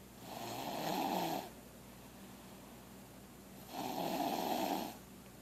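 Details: 3-year-old child snoring while asleep: two long, rough, rattling snores on breathing in, separated by a quiet pause.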